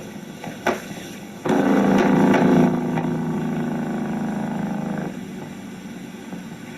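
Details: Complex repetitive discharges with fasciculations on EMG.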